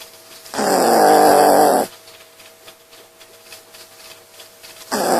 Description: 코걸면서 자는 강아자